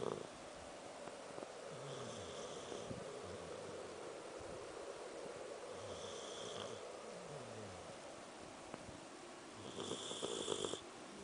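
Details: Soft rhythmic snores about every four seconds over steady room noise, ending with a brief squeaky snort, from a sleeping Samoyed dog; light snoring.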